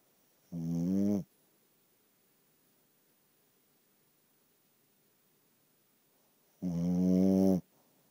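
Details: Dog snoring loudly, likened to a walrus: two loud, rattling snores about six seconds apart with quiet breathing between; typical sleep snoring.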